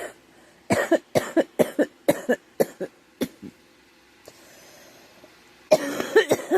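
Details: Girl with a suspected cold and scratchy sore throat coughing: a run of about ten short, harsh coughs in quick bursts, a pause, then another coughing fit.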